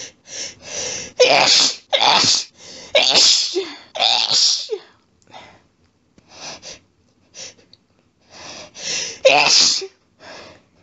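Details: A female, sneezy all day, set off in bed by a petsat cat that had curled up under her chin, has an intense fit: about a dozen rapid, forceful, wet sneezes in quick sets with short gasps between.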